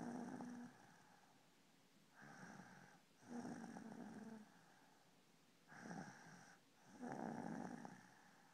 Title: snoring!!